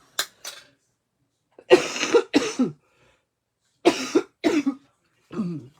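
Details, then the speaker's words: Adult woman, coughing heavily since the weekend, thinks she has bronchitis; apologizes for the sound on a morning live video; cough with suspected bronchitis. "Désolé mon dou je serai pas très agréable ce matin à écoutez c'est ça depuis en fin de semaine je tousse beaucoup mais là je pense que c'est ça c'est un"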